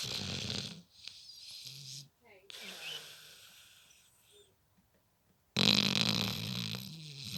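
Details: Loud, rough, fluttering breathing sounds with a quiet pause between them: snoring.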